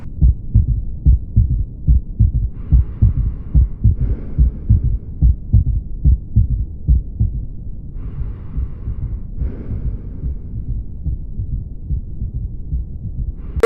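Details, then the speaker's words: Third heart sound (S3, ventricular gallop): regular low heart sounds near 72 a minute with an extra soft thud just after S2, from mitral valve opening and blood rushing into the left ventricle. "तो यहां पे S3 sound है वो कुछ इस तरह सुने पड़ता है"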